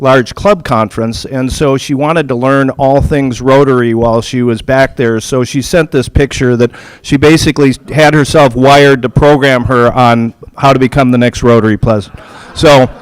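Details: Adult male speaker; no voice disorder.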